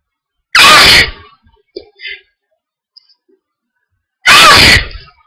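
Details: Hay fever attack on a sunny day: two loud, explosive sneezes a few seconds apart with soft breathing between; repeated allergic sneezing.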